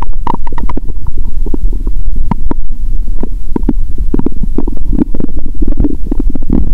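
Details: Loud stomach growling recorded through a stethoscope on the abdomen after eating Mentos, following a fast of over 15 hours: active bowel sounds with gas bubbling.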